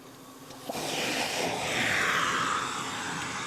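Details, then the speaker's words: Steady rushing hiss of airflow from a patient's NIPPV (non-invasive positive pressure ventilation) machine, switched on with the mask off, used for type 2 respiratory failure, nocturnal hypoventilation and sleep apnoea; the air rises in force. "I'm going to put the the sound next to actually moves my hair. Look how fast it is. Hopefully, you can hear me over it."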